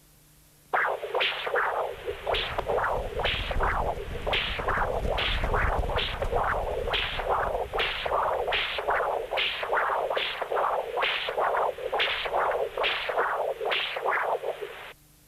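Smooth, rhythmic whooshing pulses at about 70 a minute: pulsed-wave Doppler of laminar flow in a severe tricuspid regurgitation jet.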